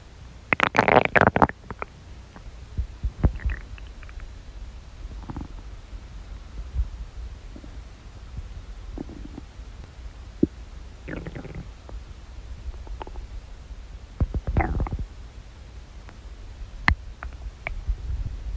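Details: Irregular low gurgles, churning and rumbling from a person's belly; ordinary bowel sounds of digestion.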